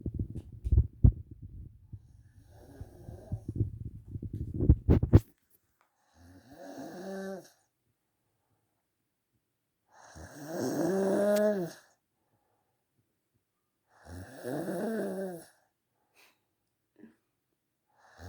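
Loud, rough snores on three drawn-in breaths with quiet pauses between, after some rustling at the start; typical snoring.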